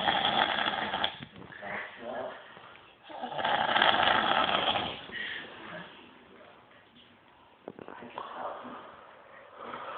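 Loud, rattling snores in long rough bursts with quieter breathing between them; snoring.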